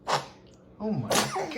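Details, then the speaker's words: A short, sharp burst of air from a baby, then a small voiced sound and a second burst; infant sneeze, light room noise and laughter. "oh that was in his knees what happened bless you oh bless you [Laughter] ah bless you got the sneeze"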